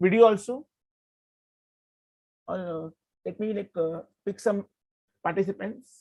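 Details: Adult male who has stuttered since childhood, had therapy in 2010, and is working to overcome it; stuttering.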